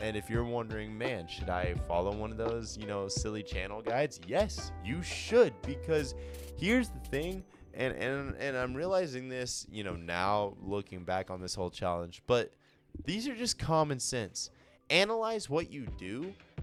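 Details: Stuttering in a male speaker who says he stutters a lot and usually edits stutters out; repetitions such as "and and and" are heard.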